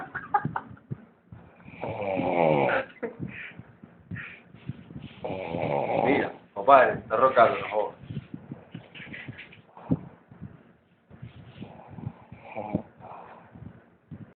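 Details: Person snoring heavily in sleep: loud, irregular, rattling snores with snorting breaths and uneven pauses.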